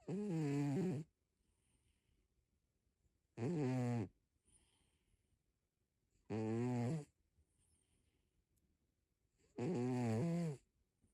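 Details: A sleeping tabby cat snoring: four buzzing, rumbling snores about three seconds apart, near 19 breaths a minute, in a quiet room.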